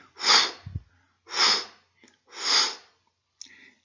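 Three breathy hissing sounds, each swelling then fading, a spoken imitation of a crescendo-decrescendo ejection systolic murmur.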